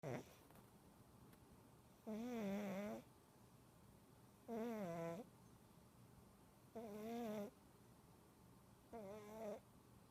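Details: Large 21-lb sleeping cat snoring: four loud, buzzing, tonal snores at a steady pace of about 24 per minute, with quiet gaps between.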